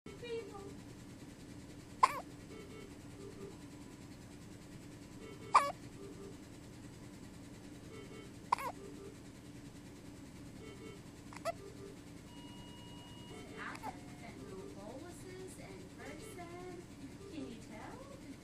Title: Squeaky baby hiccups!